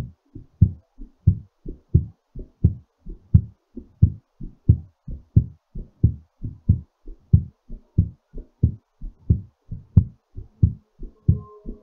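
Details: Strong, regular paired heart sounds at about 90 beats per minute: a normal heartbeat recovering after exercise.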